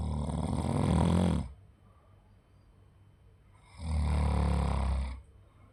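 Two loud, low, rattling snores on breathing in, separated by a quiet pause: ordinary snoring.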